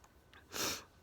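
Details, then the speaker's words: Person sitting outdoors under a summer pavilion tent at night, in a bout of repeated sneezes: a short in-breath, then a brief, hissing burst of air, a single small sneeze. Sneezing. "oh well I think that sneezing is finished oh no still sneezing anyway"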